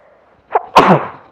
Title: me sneeze (and sniffles added) 🤧